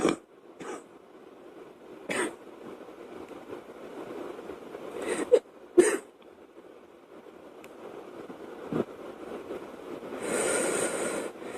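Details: A girl coughs: several short, sharp coughs spread irregularly over about ten seconds, with a longer noisy breath near the end.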